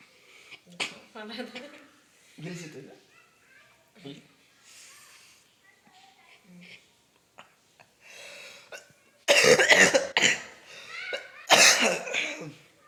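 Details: Person being coached to inhale cigarette smoke, saying it feels bad: quiet talk, then two loud harsh coughing fits near the end; cough while smoking.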